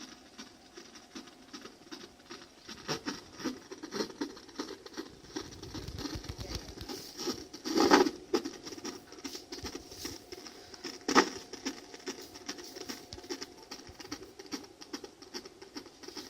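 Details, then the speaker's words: CTG monitoring at 30 weeks pregnant in triage, sensors strapped to the belly: fast, soft pulsing fetal heartbeat broken by louder swishes from the baby moving a lot; fetal heartbeat on Doppler (CTG) monitoring. "she was moving a lot and that's actually what made it hard to hear the the heartbeat at times it was because she was moving so much"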